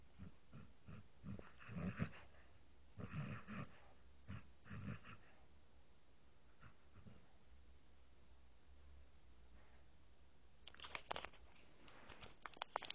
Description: You have to listen super close cause the volume is low...but my dog snores like crazy!